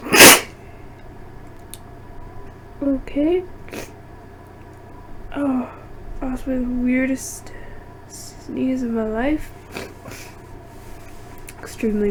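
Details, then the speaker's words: Woman's induced sneeze, her nose irritated by dust from hours of cleaning: one sharp explosive sneeze followed by voiced exclamations and laughter in a quiet room. "these are very messy very quickly cuz my nose is already bit on the Edge from the Dust"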